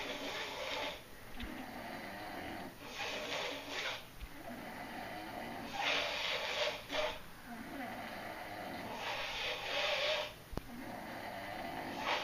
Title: dueling snores.MP4